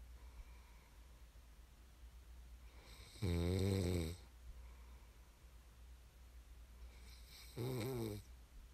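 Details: Snoring ASMR recording meant to aid sleep: two loud, rattling snores on in-breaths a few seconds apart in a quiet room; ordinary snoring.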